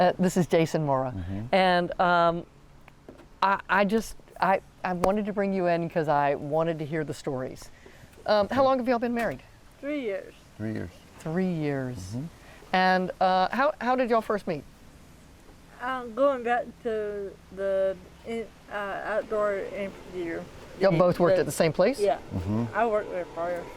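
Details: 40-year-old woman with athetoid cerebral palsy, GMFCS level 3/4, moderate to severe quadriplegia, uses walker and power wheelchair; speech may be hard to understand; dysarthria (athetoid cerebral palsy).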